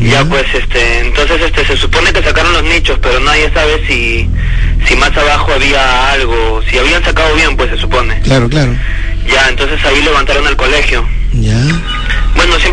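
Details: Adult male caller over radio line; normal voice.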